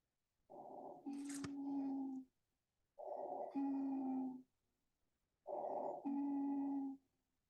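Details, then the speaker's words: Simulated chest sounds on a SimMan manikin in a teaching session: quiet inspiration, then a steady musical wheeze on every expiration at about 24 breaths a minute. Expiratory wheeze. "this is wheezing once you hear wizes there is a step to be taken you need to Boler and give Sal amazing"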